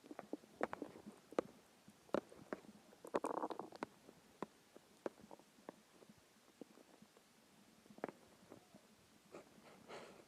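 Irregular gurgles, pops and a brief rolling rumble from the belly, typical of hunger growling. Normal bowel sounds.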